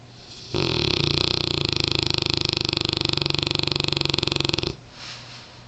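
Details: One long, loud, rattling snore of about four seconds from Champ, a sleeping Mastiff rescue dog settling in at home; ordinary snoring.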